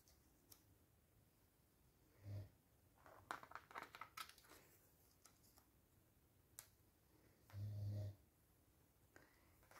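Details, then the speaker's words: Husband snoring audibly in the background while his wife talks during an art-collage scrapbooking session at home. "Je suis désolée, vous entendez mon mari qui ronfle."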